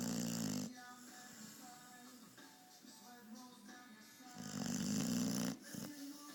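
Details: Beagle dog snoring while passed out asleep in his chair: low, rumbling snoring breaths heard over background music.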